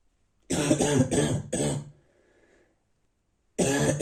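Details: Adult man with a bad cold, coughing in the morning; he reports a terrible cough with everything hurting inside. Five harsh barking cough bursts, four in a quick run and then one after a pause: a dry barking cough.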